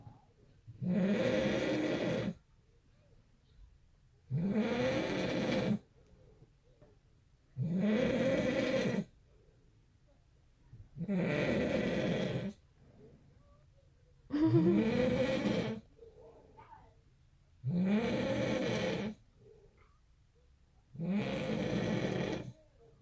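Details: Father's snoring, heard beside a newborn and sibling: loud, regular snores about 18 a minute, each a rough, buzzing inhaled rattle with quiet gaps.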